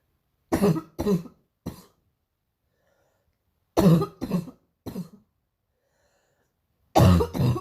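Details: Painful morning cough: three bouts of harsh coughing, about eight coughs in all, with silent pauses between bouts.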